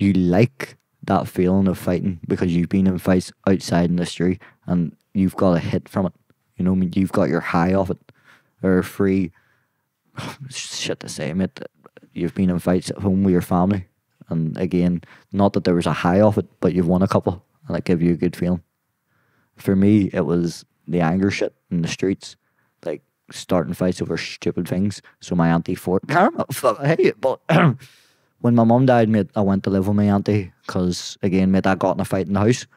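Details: Young adult man with Tourette syndrome; tics began at 16 as a shoulder tic, spread across his body, then vocal tics followed; worsen with stress and cameras. Involuntary vocal tics of random words and swearing interrupting speech.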